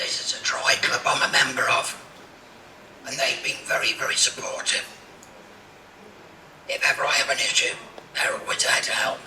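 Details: Adult man, cancer survivor treated with radiotherapy, who had a laryngectomy and speaks with a speaking valve; tracheoesophageal speech after laryngectomy.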